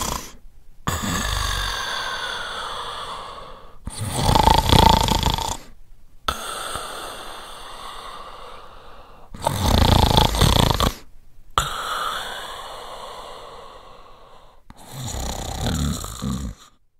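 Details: Adult male snoring: loud rattling snores alternating with softer whistling breaths, about 11 breath cycles a minute.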